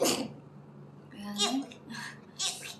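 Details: Sneeze sounds from young women of an idol group, some possibly imitated: a sharp, noisy sneeze burst, brief voiced sounds, then another breathy burst, with light talk nearby; sneeze.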